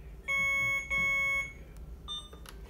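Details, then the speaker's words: IV infusion pump air-in-line alarm, signalling too much air in the tubing, overridden by pressing restart: two steady high-pitched electronic beeps, then a shorter tone and clicks. "It alarmed to tell me that there was too much air in the tubing, and I just hit restart to override it."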